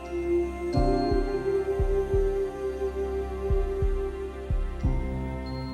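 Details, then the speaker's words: Muffled whooshing thumps under a sustained musical drone: a fetal heartbeat picked up by ultrasound, with a heart rate of 176 beats per minute, described as perfectly normal and expected to slow as the pregnancy progresses. "Aqui está o bebê. É o batimento cardíaco."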